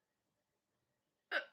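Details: A single abrupt voiced gulp after silence, typical of one hiccup.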